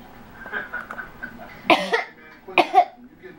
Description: 05/17/2009 Baby using fake coughing on occasion when bored, frustrated or to get our attention (30 weeks old).